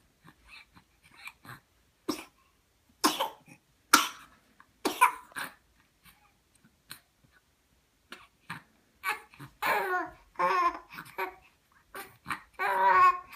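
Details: A child gives several sharp, separate coughs, then makes voiced, whimpering sounds.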